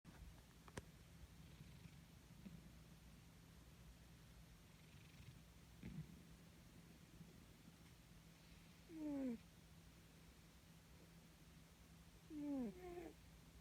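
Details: A cat snoring and purring: a low, steady purring rumble throughout, with two brief chirping meows near the end.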